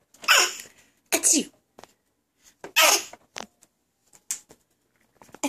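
Three sharp, airy sneeze-like bursts from a baby, with smaller puffs between; imitation sneezes, not true ones.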